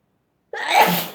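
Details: A single sharp, explosive sneeze into a Kleenex tissue after a moment of silence; sneeze.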